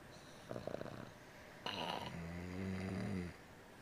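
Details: Boston terrier and a man sleeping and snoring together: a rattling snort followed by a longer, low, droning snore; snoring.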